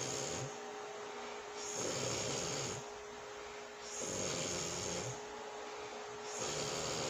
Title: watch me sleep #asmrsleep #relaxing #snoring #sounds